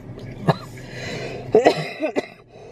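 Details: Adult with a respiratory infection, coughing hard enough to cause urine leakage: several harsh, forceful coughs in quick succession.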